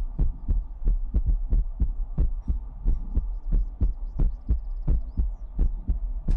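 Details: Heartbeat sound in an ASMR sleep stream, source not stated: steady muffled lub-dub, about 88 beats a minute, regular rhythm with faint background hum.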